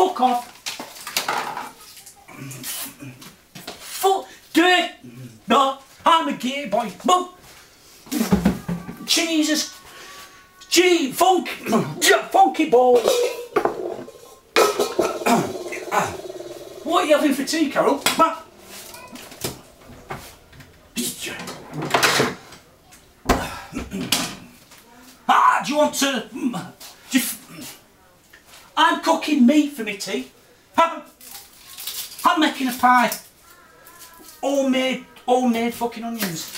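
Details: Adult man with Tourette syndrome, filmed September 2009 in a follow-up; his vocal and motor tics have changed a lot since earlier, vary with mood, are sharp and loud when annoyed, and include shouted obscenities: vocal tics with coprolalia (Tourette syndrome).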